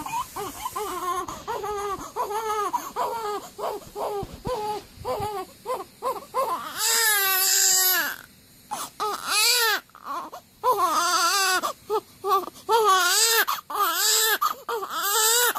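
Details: Rhythmic, rising-and-falling crying in repeated bursts with brief pauses for breath from a 15-day-old newborn baby waking up; a normal waking cry.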